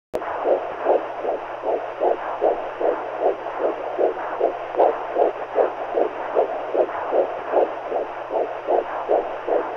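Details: Womb-sound recording with a CTG-style fetal heartbeat, used as a sleep aid for babies: rhythmic whooshing heartbeat at roughly 150 a minute over a steady low womb hum.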